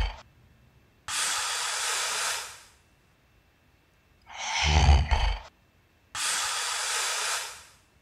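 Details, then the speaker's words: Sleep-study teaching recording of snoring and normal breathing, with airway partially opening and shutting. Long, loud hissing breaths alternate with a rough, rumbling snore, typical of snoring during sleep. "in the next segment you'll be hearing voice of snoring as well as normal breathing"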